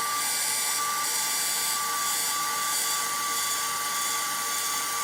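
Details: Steady high-pitched whine of a rotational atherectomy catheter spinning on activation during a pass through the artery in a live endovascular case.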